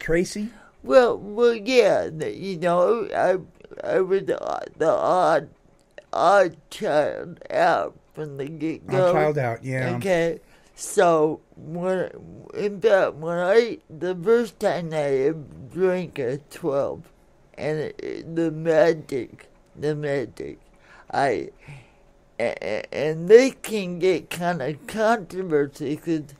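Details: Adult woman born in 1959 with cerebral palsy since birth, attributed to oxygen cut off to the brain during delivery, affecting speech and motor skills; some listeners have difficulty understanding her; dysarthria (cerebral palsy).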